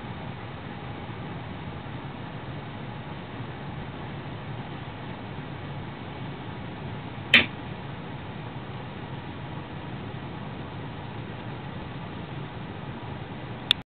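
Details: Toy poodle after playing with a cushion, recorded for the vet: a single sharp, brief "kah"-like cough against background hiss; vet found normal heart sounds and no abnormality; cough.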